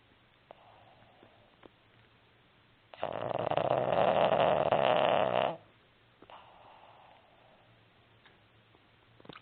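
A loud, rattling snore lasting a few seconds, flanked by quieter snuffling breaths from a sleeping flat-faced dog.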